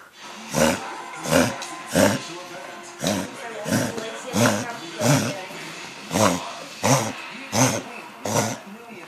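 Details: Dog coughing and gagging for 4–5 days, at first a light occasional cough and worse over the weekend, mainly in evenings or on early-morning walks. It brings nothing up and is eating and drinking. Run of about ten harsh, honking coughs with gagging.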